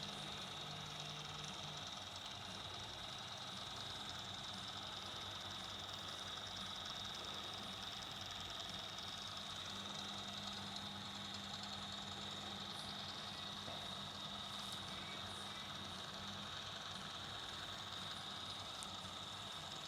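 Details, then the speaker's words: Intraoral digital scanner running during a new-patient dental check-up scan of the teeth: steady high electronic whine with a low hum underneath. "going take a digital scan of your teeth"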